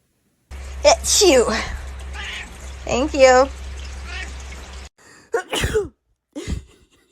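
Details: Person sneezing in front of a cat: a sharp sneeze burst, then voice sounds and a brief cat-like call against a steady background hum; sneezing.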